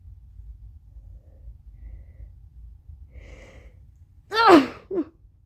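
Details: Woman with hair in a towel blowing her nose: quiet rustling and a soft breath, then one loud voiced sneeze and a short second burst; she feels dizzy afterwards. Sneezing.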